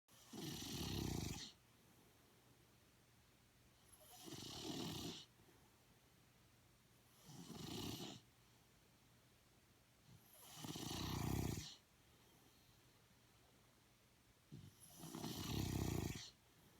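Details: Snoring: loud, regular rasping snores on each breath, about 18 a minute, with quiet gaps between them.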